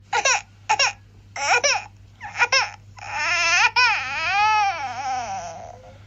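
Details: Infant crying in short bursts building into a long wailing cry; ordinary baby cry from a sound-effect recording.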